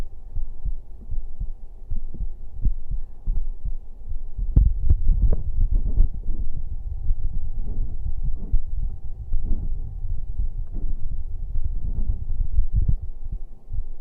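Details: Livestreamer's own heartbeat played for ASMR-style listening during a late-night stream: steady low, muffled paired thumps under a constant hum, about 70 beats a minute; a regular, normal heartbeat.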